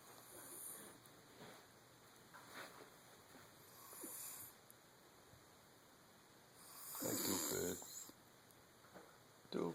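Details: Snoring: irregular snoring breaths with snorting noises over room hiss.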